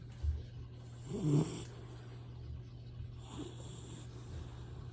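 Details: A retriever puppy, adopted three days earlier, snores in its sleep: two soft, low snoring sounds over a steady background hum.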